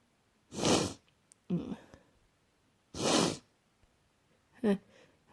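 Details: Person with a cold sneezing: two loud explosive sneezes, each followed by a brief sharp breath in or sniff; repeated sneezing.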